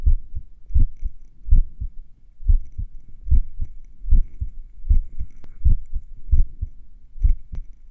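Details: Own heartbeat a few minutes after finishing morning exercises: clear double beats near 78 a minute, gaps lengthening and shortening unevenly; sinus arrhythmia during recovery, a normal variation.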